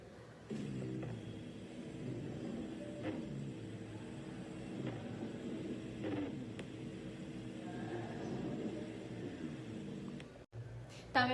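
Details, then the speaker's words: Rhonchi on auscultation with patient breathing: low-pitched, snoring, rumbling breath sounds over several breaths, from air passing narrowed or mucus-filled airways; may be caused by bronchitis, airway obstruction or asthma. "empezamos con el roncus que es un sonido respiratorio anormal que se produce cuando el aire pasa por vías respiratorias estrechas o llenas de mucosidad puede ser causado por bronquitis obstrucción en las vías aéreas o asma"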